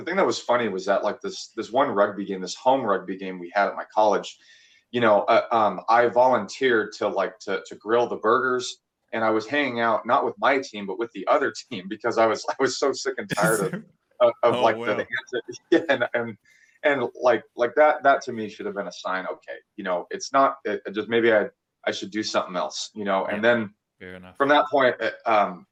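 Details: 26-year-old male who stuttered a lot as a child, had speech therapy, and still stutters from time to time, with repeated words in this stretch; stuttering.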